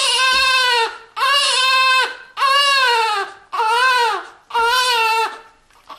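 A newborn cries in five rhythmic, high-pitched wails, each about a second long with brief breaths between.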